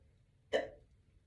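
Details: One short, abrupt voiced 'hic' fading quickly in a quiet room, from a woman just woken up with morning hiccups while doing her hair; hiccup.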